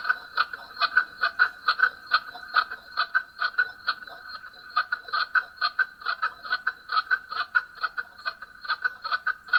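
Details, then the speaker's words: Fetal heartbeat recorded during an ultrasound of a baby later stillborn: rapid, regular whooshing pulses at about 136 a minute. "we will hear a 20-second audio clip of noah's heartbeat from one of his ultrasounds"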